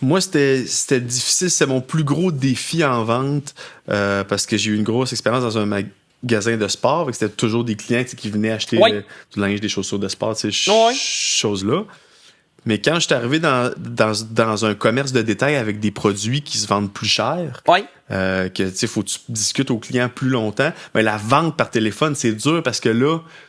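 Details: Adult man, self-described mild stutterer, who had speech therapy as a child; speech with repetitions; stuttering.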